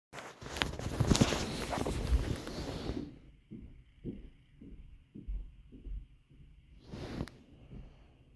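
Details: Self-recorded heartbeat that the person says feels really fast, with leg pain they suspect is a blood clot: rapid, regular low thumps at about 105 a minute after a few seconds of rubbing noise.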